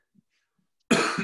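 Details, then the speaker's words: Adult man who says he will be coughing and clearing his throat gives a single short, loud cough after a near-silent stretch. "all right and just so everyone i you'll hear me coughing and clearing my throat a little bit i haven't tested i am all clear"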